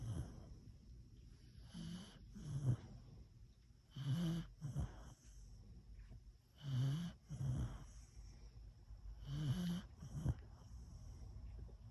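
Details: Beagle sleeping pressed against owner: rhythmic snorting snores in pairs, roughly every two to three seconds; harmless dog snoring.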